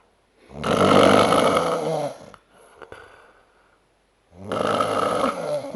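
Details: Loud, rattling inspiratory snores about two seconds each, separated by quiet exhalations, in a man snoring after an Oktoberfest outing; heavy snoring.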